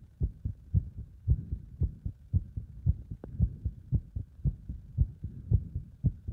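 Fast, regular heartbeat at about 113 beats a minute with some rubbing noise, heart sounds under exercise load.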